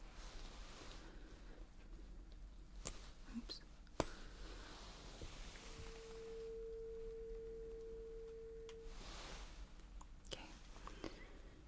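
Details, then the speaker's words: Tuning fork tone during a simulated (ASMR role-play) hearing test; the patient, eyes closed, is asked which side the tone is heard from. "Musisz zamknąć oczy, dobrze? I zamierzam nadawać ton tym kamertonem. Chcę, żebyś mi powiedział, z której strony słyszysz sygnał, dobrze?"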